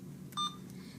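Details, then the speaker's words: Single short electronic keypress beep over quiet room hum on an Alaris IV infusion pump while selecting the channel to program a secondary IV infusion. "so how to do that is you're going to select your Channel first you're going to select the button that says"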